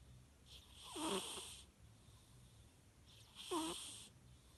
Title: Cat sleeping and snoring